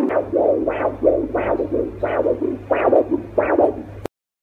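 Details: An 8 MHz vascular Doppler probe, used on finger, wrist, arm, leg and ankle, picks up rhythmic whooshing pulses at about 90 a minute, each with a sharp rise and softer follow-on: a normal arterial flow signal.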